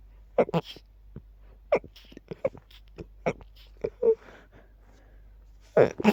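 A run of very quiet, rapid, stifled sneezes in quick succession: a sneezing fit.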